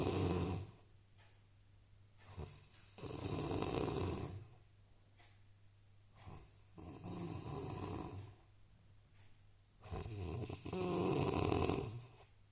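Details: Loud, rough snores with each breath, about eleven breaths a minute, from a man sleeping in a quiet room with a steady low hum; very heavy snoring.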